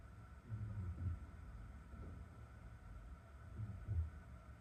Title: Cat snoring in bath